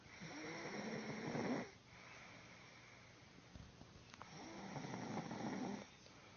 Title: snoring